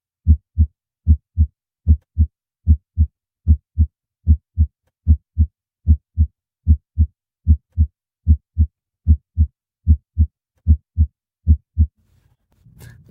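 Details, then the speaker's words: Teaching audio sample of normal heart sounds S1 (mitral and tricuspid closure) and S2 (aortic and pulmonic closure): regular paired lub-dub at about 75 beats a minute with quiet pauses and no murmur. "the s-1 sound is caused by the mitral and tricuspid valve closing and this marks the beginning of systole the s2 sound is caused by the aortic and pulmonic valves closing this marks the beginning of diastole"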